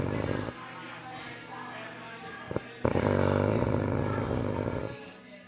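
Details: Snoring, loud rough rattling breathing sounds on two breaths; snoring.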